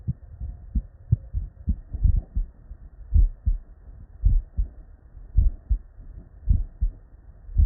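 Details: Real, unedited normal human heart sounds, recorded at the bedside from multiple patients with normal cardiac physiology and looped seamlessly.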